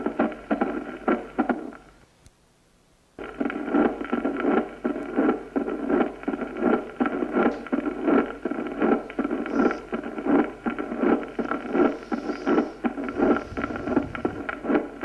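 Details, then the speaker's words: Regular heart sounds near 82 a minute with a soft mid-diastolic rumble, a Carey Coombs murmur indicating carditis. "Cuando se oye una fiebre reumática aguda en un niño, indica carditis y se llama soplo de Caire-Coombs."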